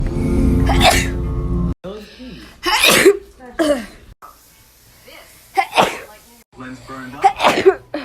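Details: Sneezes: several loud, explosive sneezes in quick succession, each with a sharp burst of air, over faint background music.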